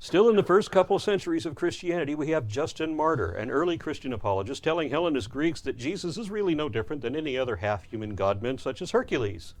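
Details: Adult male speaker; Normal speech.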